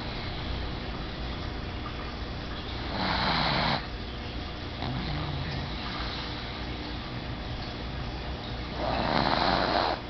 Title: Lola pug sleeping snoring relaxing